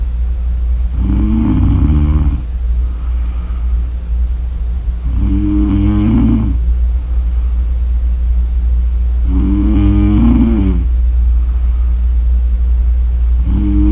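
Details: Loud, rhythmic, rattling snores on each in-breath, about fourteen breaths a minute, over a steady low hum; snoring.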